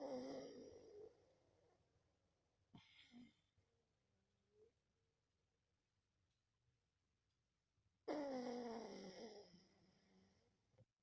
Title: OMG 😱 snoring..🤣🤣🤣